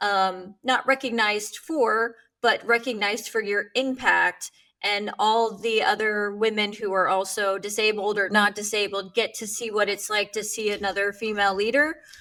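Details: Adult woman speaking; typical speech.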